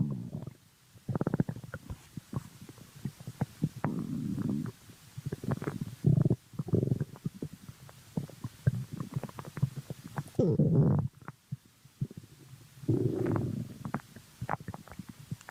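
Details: Stomach growling (borborygmi): low gurgling and rumbling bursts with bubbly pops, coming and going over several seconds.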